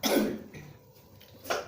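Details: Small child who is sick with a cough, during a traditional fatigue massage: one strong cough burst, then a quieter second sound after a pause; a plain cough.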